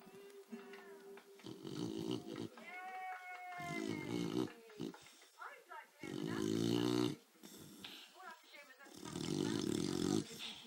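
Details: Staffy dog snoring while asleep: throaty, rasping snores with whistling, squeaky nasal sounds during breaths.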